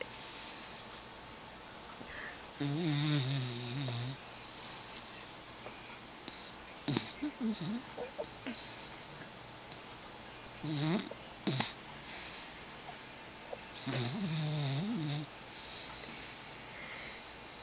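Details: A Puggle dog snoring as usual while asleep: recurring nasal snores with a whistling, squeaky edge and some snorts over steady room hum.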